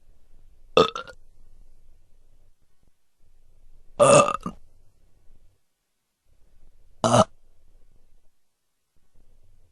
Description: BURRP! Excuse me. Where are my manners? These are the belches or burps sound effects collection.